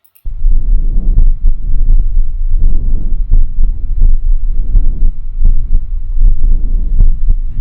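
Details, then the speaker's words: Normal vesicular breath sounds on lung auscultation, taught by a respiratory physiotherapist: soft, low-pitched rustling breaths with a full inspiration and a brief fading expiration. "bom vamos ouvir eu tenho dois sons para mostrar para vocês de uma molho vesicular olsson vesicular vamos aprender"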